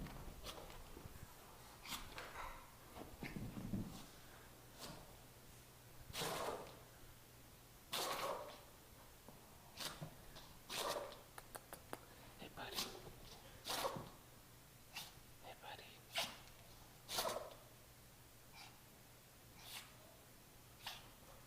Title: Patrick chasing a ball and sneezing and coughing and wheezing